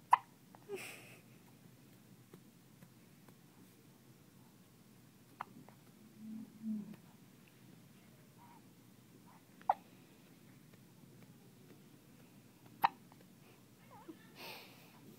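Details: Baby with hiccups, with mother present: sharp, brief clicks spaced several seconds apart in a quiet room, about four to five in fifteen seconds; hiccups.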